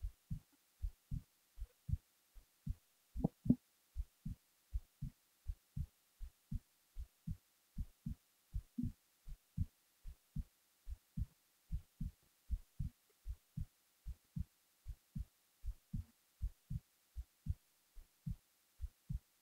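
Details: Resting heartbeat recorded while the person was falling asleep: regular paired thumps at roughly 78 beats a minute against silence.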